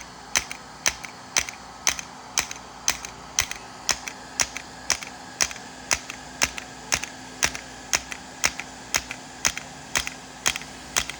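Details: Integrative shockwave therapy for pain at the back of the knee (popliteal area), set to 3Hz/90mJ × 1,000 shocks: sharp, regular clicking pulses, about one per second.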